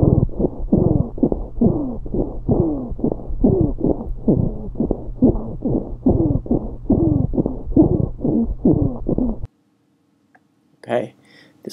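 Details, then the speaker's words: Training lung-sound recording: chest sounds with rapid repeated bursts carrying musical, falling-pitch tones: wheezing combined with a second adventitious lung sound. "last song sounds a little bit more difficult because it's a combination of two which is wheezing"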